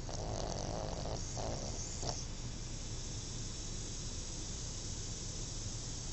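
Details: Snoring recorded at night on a mobile phone; the recorder hears it every night.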